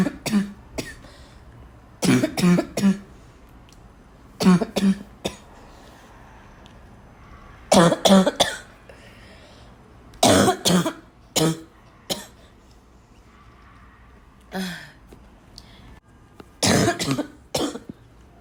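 Repeated short coughs in clusters of two or three, mixed with throat clearing, over a quiet room background.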